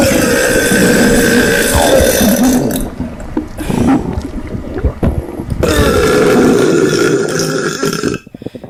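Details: Loud, prolonged rumbling belches in two long bursts with a quieter gurgling gap between; belching.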